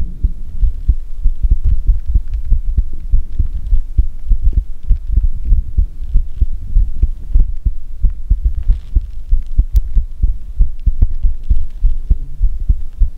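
Steady low thumping heartbeat, about 95 beats a minute, with a faint hum beneath; an ordinary heartbeat.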